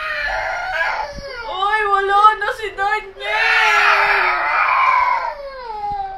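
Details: Infant crying with loud wailing cries, rising and falling pitch, brief catches between bursts, then a long sustained wail; the baby cried after a phone playing a Daniel Padilla video was taken away.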